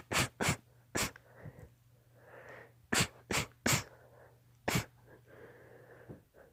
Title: Sneeze fit